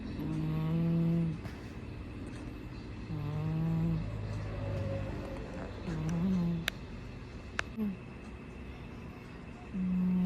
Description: This adorable kitty is fast asleep and snoring away like a tiny human.